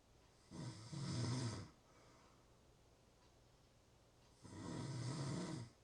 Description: Real snoring sounds